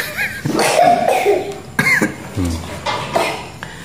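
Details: Morning home vlog in which everyone in the household has a cough: several harsh cough bursts mixed with voices in a small room, ordinary coughing.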